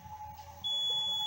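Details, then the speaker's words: A steady high-pitched alarm tone over low machine hum from a hemodialysis machine showing maximum venous and dialysate pressure alarms, pointing to a possible vascular access problem or collapse. "Ya con esto tenemos más fácil identificar las alarmas principales en la máquina de hemodiálisis, que en este caso, dentro de las más frecuentes, está máximas presiones de dializado, en donde posiblemente haya una alteración"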